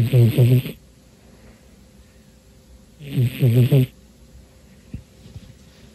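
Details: Cat deep asleep, snoring on a tired afternoon; he snores most of the time when sleeping, especially when very tired. Two low, fluttering snores about three seconds apart, with quiet pauses between.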